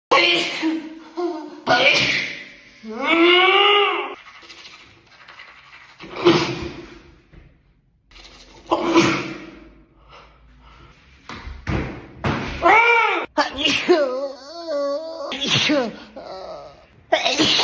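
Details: Sneezing fit: a run of about seven voiced sneezes in quick succession, with short pauses and breaths between them.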